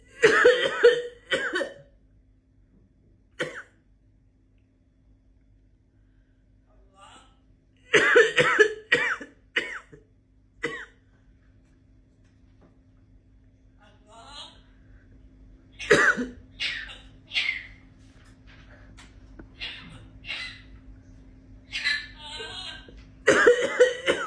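A parrot mimics human coughing in several short bursts, separated by quiet gaps and softer chatter.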